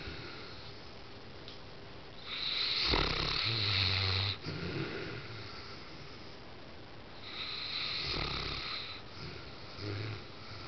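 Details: Sleeping dog snoring, as it usually does: two long, rough, rattling snores on in-breaths, with quieter breaths between.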